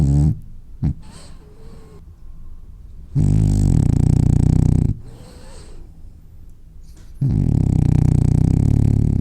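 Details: Loud, rattling, low-pitched snores on each breath, separated by quieter snuffling breaths, from a sleeping, dreaming French bulldog: snoring.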